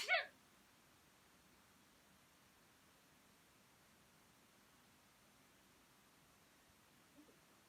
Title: クイズくしゃみ quiz sneeze